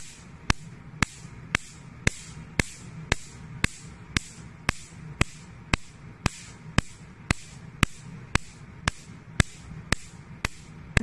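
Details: Picosecond laser: sharp regular snapping clicks about twice a second over a low hum as it fires pulses during facial skin treatment, 1064 setting for acne scars; operating demonstration.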